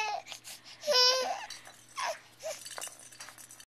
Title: Scared by a Sneeze - 3 months-cut.mp4